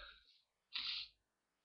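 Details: A person on holiday in the snow, trying to sneeze on purpose, gives a soft intake followed by one sharp, hissing burst of air; a single sneeze.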